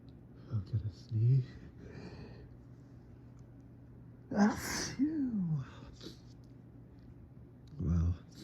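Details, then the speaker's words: Adult fall-allergy sneezing fit, possibly from mold or ragweed: several big sneezes with gasping in-breaths and sighs between, each tickle triggering the next like a chain reaction. "Now these allergies are just teasing my honker. Achoo! Oh my goodness. Wow, that was huge."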